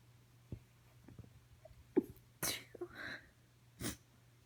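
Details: Woman's morning allergy sneezes, recorded right after waking: quiet breaths and sniffs, initially stifled, then two sharp sneezes in quick succession.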